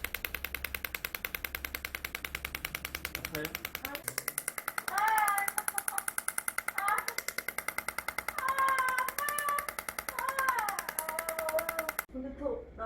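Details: Fast, steady clicking pulses with room talk over them: a shockwave therapy device firing during heel pain and Achilles tendinitis treatment of a female patient who had 20 prior unsuccessful sessions, now treated along the muscle chain.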